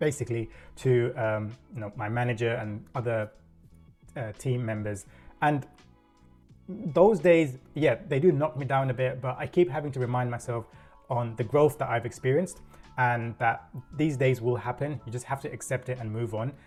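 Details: Adult man with self-reported stuttering (stammer), real, working in a corporate career for over 10 years.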